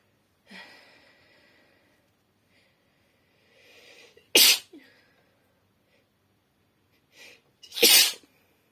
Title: Sneezing and tissues (F)